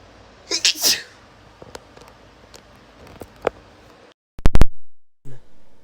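A clear sneeze with a quick build-up and explosive burst, followed by quiet clicks and a loud abrupt noise.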